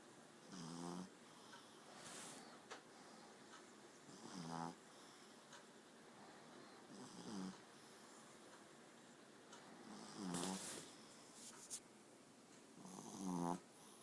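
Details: Boy snoring: regular rumbling snores on each breath in, about 20 breaths a minute, over quiet room noise.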